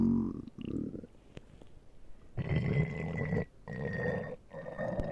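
Low gurgling rumbles in several bursts with quiet gaps, consistent with ordinary stomach growling.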